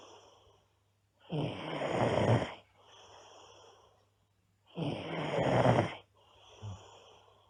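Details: Loud, rough snores on breathing in from a sleeping girl, with quieter breaths out between, about 18 breaths a minute; habitual snoring.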